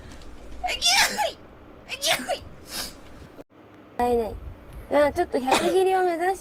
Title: girls sneezing rapidly. #11.|| rapid sneeze.